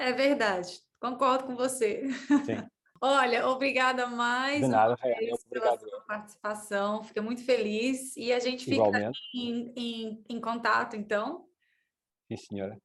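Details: Woman interviewer who describes herself as a person who stutters, speaking Portuguese; stuttering.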